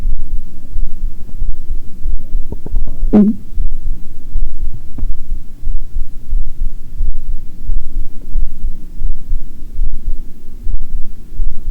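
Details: Heartbeat recording with unintentional stomach growling (bowel sounds) heard over it.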